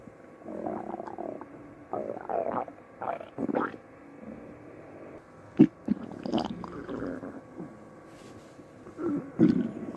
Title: Empty Stomach Noises